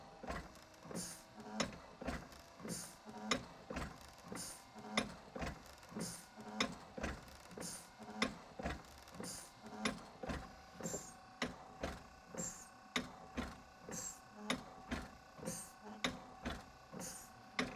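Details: Prototype invasive mechanical ventilator inspired by the East Radcliffe ventilator, running during monitoring-system setup: rhythmic mechanical clacking and whirring, cycling about every one and a half seconds.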